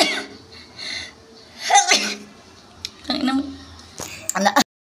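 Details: Several short, sharp sneezes set off by tickling, recorded in the Philippines, mixed with voices and laughter-like sounds in a small room; sneezing.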